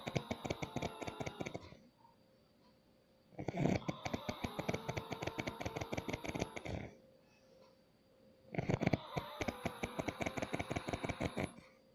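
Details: Father snoring: loud, harsh rattling snores on each in-breath, about 12 breaths a minute, separated by quiet out-breaths; buzzing resembles a motorbike engine. Heavy snoring.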